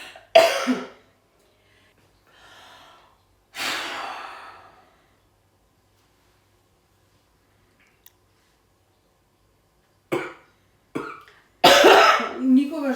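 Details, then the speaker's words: Simulated triage patient, woman with a bothersome cough for three days, no other complaints, stabbing chest pain on inhaling: several short dry coughs with throat clearing and a heavy sigh between quiet pauses. "Не, немам никакви други теби, само досадна кашливца."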